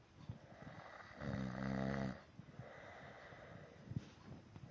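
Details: One loud, buzzy, rattling snore on a breath in, between quieter breathing, loud enough to drown out the TV: snoring.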